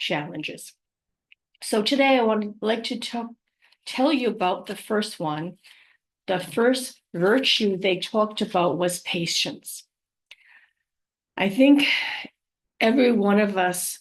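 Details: Adult living with aphasia, apraxia of speech and dysarthria after trauma such as a stroke; aphasia with word-finding difficulty.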